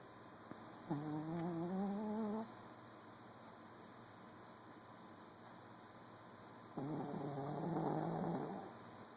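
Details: Snoring: two drawn-out, humming snores about six seconds apart over steady room hiss, at a slow breathing rate.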